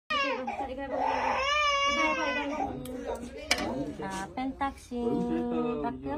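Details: Baby crying after a vaccination injection: high-pitched, wavering infant crying in short bursts, a normal pain response after the shot.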